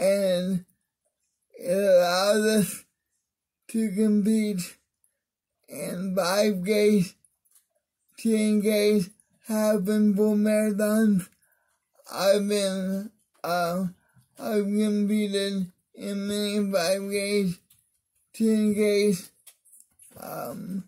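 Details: Adult man with cerebral palsy (spastic diplegia affecting arms and legs) whose voice differs because of it; mild dysarthria.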